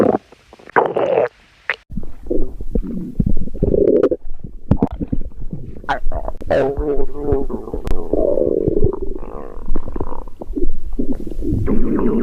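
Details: Loud, continuous gurgling and rumbling from the abdomen with bubbling bursts; stomach growling (borborygmi).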